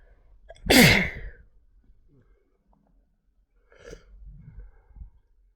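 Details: Sick person with a cold: one loud, explosive sneeze followed by quieter sniffing and breathing. An ordinary sneeze.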